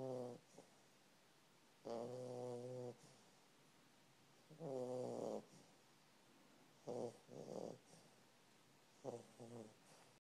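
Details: South African Boerboel puppy snoring while asleep in a quiet room: soft, irregular snoring with several tonal snorts spaced a few seconds apart.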